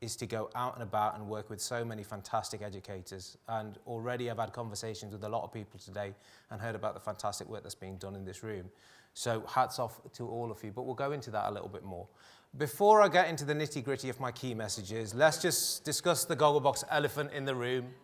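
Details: Adult male speaker; no disorder.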